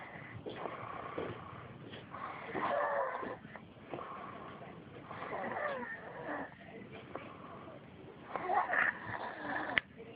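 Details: Male snoring in sleep, with soft rattling snores with a slight whistling edge, about 18 breaths a minute, against faint room noise; snoring.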